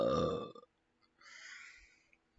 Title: me burping MEGA BURPS